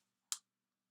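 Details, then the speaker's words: Jaw click in an adult with TMJ (temporomandibular joint disorder), who also has trigeminal neuralgia: a single short, sharp click as the jaw moves. "Where your jaw clicks. I don't know if you can hear it."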